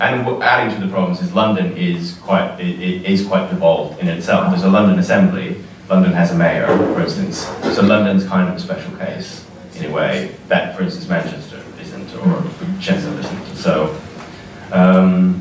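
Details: Adult man speaking; normal speech.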